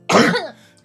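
One loud, voiced, throaty cough fading quickly; a single cough.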